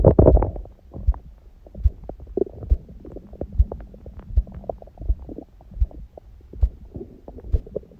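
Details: Heartbeat heard through abdomen: regular deep thumps about 77 a minute over the belly after an ab workout and a large meal, with loud bursts of gut gurgling at the start.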